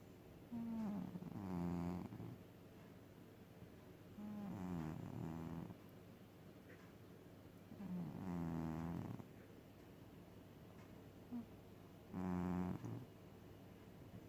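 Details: Pet cat snoring in slow, regular rumbling bursts, about 16 per minute, in a quiet room.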